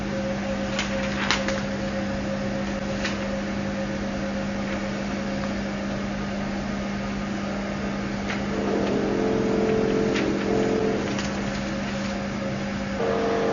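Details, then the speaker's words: CO2 fractional laser beauty machine firing after the foot pedal is pressed: steady machine hum with scattered sharp clicks and a brief tone as pulses fire. "After setting, we step on the foot pedal to start the operation."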